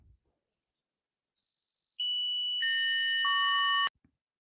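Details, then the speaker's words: Simulated tinnitus: steady high-pitched electronic ringing tones layered from very shrill to lower pitches, imitating what the speaker says they hear 24/7, a piercing constant sound. "Okay, that's my tinnitus. Okay, that is what I hear 24/7 a day."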